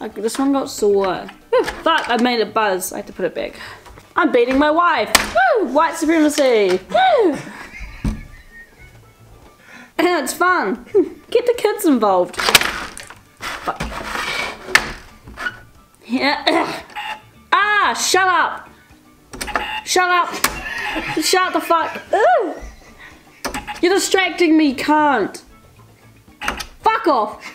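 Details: Teen with Tourette syndrome playing a board game, with sudden outbursts and repeated words or phrases; finding: Tourette syndrome vocal tics.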